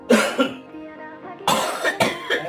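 About five harsh, abrupt cough bursts from an adult, in two clusters with a pause between, over steady background music.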